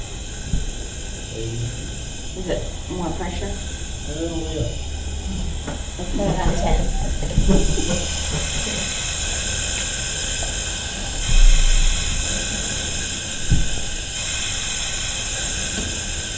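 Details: BiPAP non-invasive ventilation device in a staff training demo, mask held by hand: continuous airy hiss of pressure delivery as settings change, with faint voices in the background.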